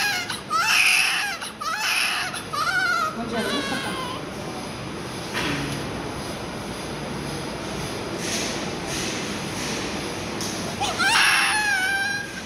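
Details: Newborn just after a difficult birth: repeated high-pitched wailing cries pausing midway, over steady room noise and adult voices.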